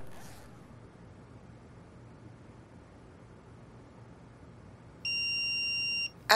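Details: In a CPR and AED training demonstration, quiet room noise then a steady high electronic tone lasting about a second: the defibrillator's start-up beep as it switches on.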